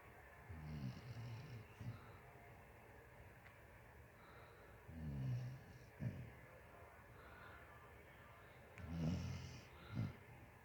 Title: Snoring Basset